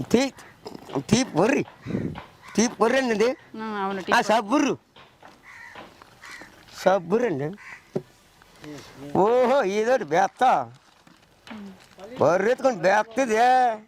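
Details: Adult speaker (Telugu); stuttering.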